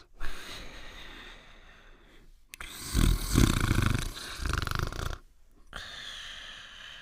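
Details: Cartoon dog snoring sound effect, not a real animal: loud, rumbling snores with snorting breaths.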